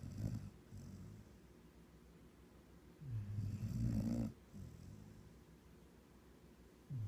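Two low, rattling snores with quieter breathing between them: snoring during sleep.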